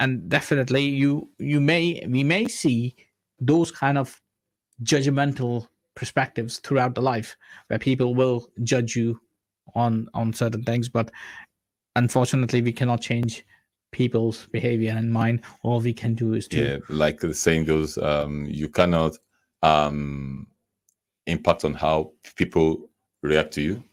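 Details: Adult man who says he stammers himself, speaking while invited to explain stammering; stammering (stuttering).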